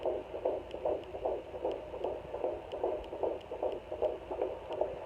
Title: Baby's heartbeat on home fetal Doppler - 17 weeks 2 days